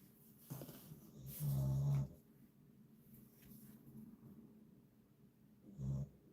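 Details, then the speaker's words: Male dog sleeping indoors, snoring then pausing: two low, rumbling snoring breaths against quiet room noise; ordinary dog snoring. "Yeah, can you hear him snoring? He's just stopped again. He's a mere amateur at snoring compared to Spike, the snoring Stavvy."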